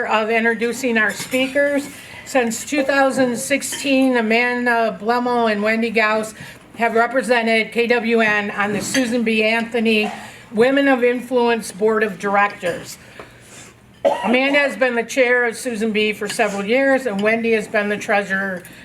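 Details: Adult woman speaking; normal voice.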